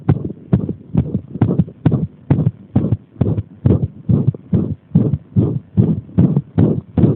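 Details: Irregular heartbeat deliberately provoked by applying pressure: rapid, muffled heart thumps at about 135 per minute with uneven spacing between beats; arrhythmia.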